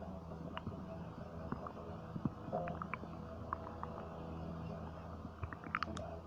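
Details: Stomach rumbling (borborygmi): soft gurgles and brief squeaky bubbling over a low steady background hum; ordinary stomach rumbling.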